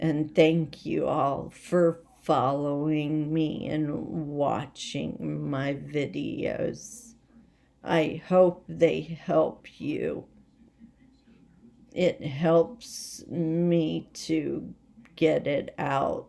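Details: Essential voice tremor in an adult woman whose essential tremor came on overnight and is progressing rapidly, affecting her head and voice most, with leg and hand weakness; she is awaiting movement disorder specialists.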